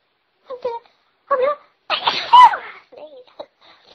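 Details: A few short catching breaths build into one loud, explosive sneeze, followed by quiet vocal sounds; sneezing.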